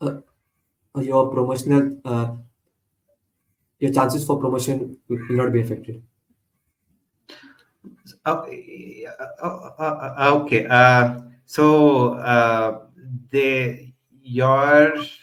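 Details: Adult man who stutters, with repeated phrases heard; stuttering.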